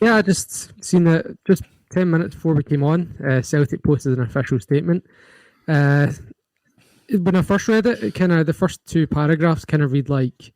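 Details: Adult male speaker; Normal voice.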